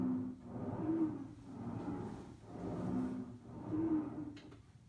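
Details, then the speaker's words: Simulated lung sound on a SAMII simulator for an auditory quiz. A deep, low-pitched, groaning wheeze, not the high-pitched musical asthma wheeze, heard on expiration only: sonorous wheeze (rhonchi). "this is our snores weeze that's like that deeper one that deep pitch not that high pitch musical note that you'd hear like in an asthma patient"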